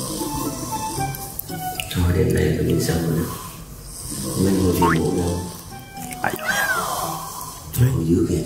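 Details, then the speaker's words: Loud, low rattling snores recur every few seconds, about 20 a minute, over background music: snoring from a young man asleep on a TV variety show, described as very regular and earth-shaking. "Phân tích âm thanh đó nào Đây là tiếng ngáy của Các bạn thấy đó đều như vát"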